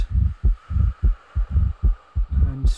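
Simulated heart sounds with a soft blowing murmur following the second sound, an early diastolic murmur of aortic regurgitation.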